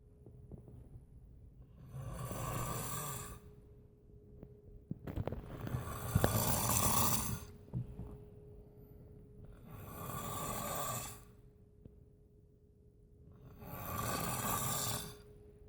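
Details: Four loud, rough snores a few seconds apart over a steady background hum; ordinary snoring in sleep.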